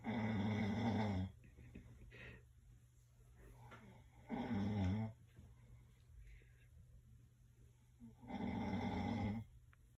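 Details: Three loud, long, rumbling snores, about four seconds apart, with quiet breathing between: plain sleep snoring.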